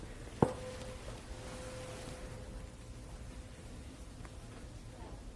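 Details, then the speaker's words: Weber hearing test: a tuning fork is struck and placed on the patient's forehead, giving a sharp strike then a steady fading pure hum. The patient hears it in both ears, a normal result; conductive hearing loss would lateralize to the affected ear. "Lo normal es que el paciente escuche por ambos oídos igual o de alguna manera simétrico. En caso de hipocusas de conducción, este sonido va a lateralizar al oído enfermo."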